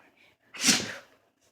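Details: Dog sneezing repeatedly (owner doesn't think it is a seizure): one sudden, hissing burst of air through the nose, then quiet; a dog's sneeze.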